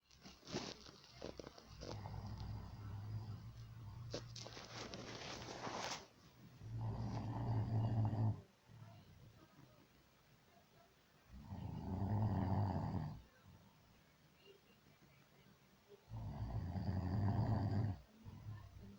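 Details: Ordinary snoring by a man who says he doesn't snore: low, rumbling snores at about 13 per minute with quiet pauses between them, after some rustling.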